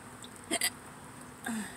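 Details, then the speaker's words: Person sitting in a car in a parking lot before eating, with hiccups and burps at the same time: sharp, abrupt, voiced hiccups, two close together then another about a second later, over quiet background. "I think hiccups and burps at the same time so weird yeah my body's like come on do something"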